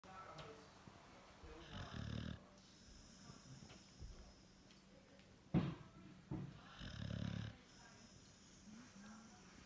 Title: Our dog snores. She also loves to cuddle funny dog